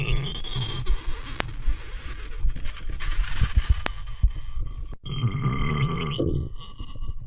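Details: Irregular low gurgling and rumbling from the belly over a faint steady background hum: ordinary stomach growling (borborygmi).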